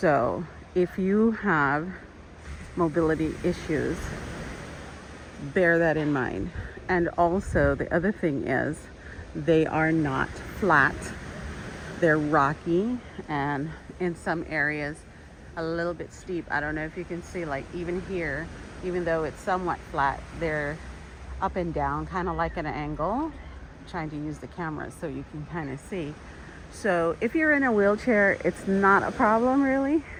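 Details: Adult woman with intermittent vocal fold paralysis, part of her disability, slowly improving, has had speech therapy; shaky voice (vocal fold paralysis).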